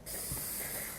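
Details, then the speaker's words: Ethyl chloride cold spray applied around a prepared elbow injection site, elbow resting on a couch, before a 23 gauge needle joint injection: a brief steady aerosol hiss. "i'm just going to spray some cold spray on you use some ethyl chloride spray"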